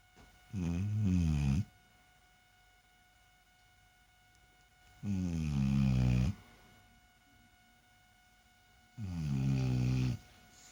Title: snoring well